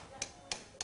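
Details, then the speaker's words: Three sharp metallic taps about a third of a second apart over faint room noise during tumour removal surgery in a Cambodian surgical ward, surgical chisel struck against bone; possible sarcoma suspected. "from both directions with chisels eventually the largest of the tumours comes free"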